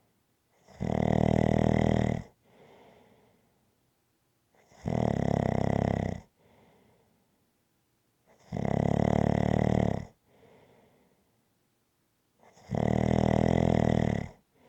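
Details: Rhythmic snoring: loud, regular rattling snores on each in-breath, about four a minute, each followed by a soft breath out.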